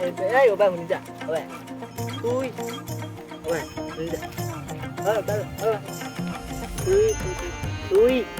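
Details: Acted stutter by a stuttering-friend character in a comedy skit: stuttering (acted)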